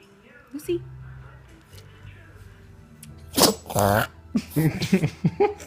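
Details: Puppy with an itchy nose giving several quick, sharp, honking sneezes, allergies mentioned, with voice and soft music behind: sneezing.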